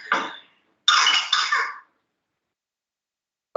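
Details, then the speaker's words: Whooping cough (pertussis) in a child: a quick run of harsh coughs in an attack, with the whoop being the inhalation after the cough. "if you can hear the whooping which is the inhalation after the cough if you concentrate"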